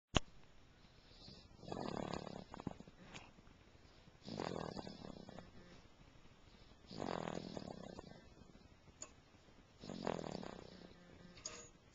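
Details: Sleep snoring recorded April 17, 2009: four soft, even snores about every two and a half to three seconds, roughly 20 a minute.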